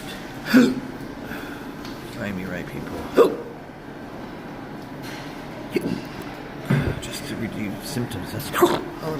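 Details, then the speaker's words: Abrupt short gulping hiccups every few seconds over outdoor traffic noise, in a patient with intractable hiccups since December 2015 and a badly damaged esophagus under reflux investigation; persistent, intractable hiccups. "Hiccups. I don't think I'm gonna stop."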